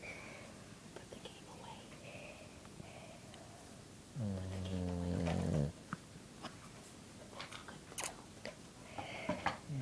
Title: Dog snoring #2